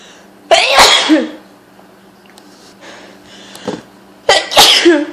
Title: 15 loud sneezes from hayfever...